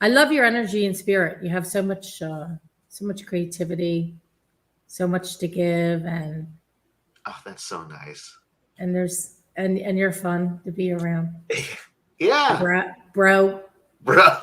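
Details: Adult woman speaking; typical speech.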